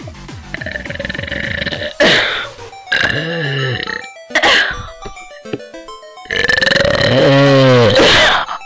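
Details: Girl, stated as genuine and not faked, producing several long, loud, voiced belches with a deep rolling tone, separated by short pauses, over background music; burping.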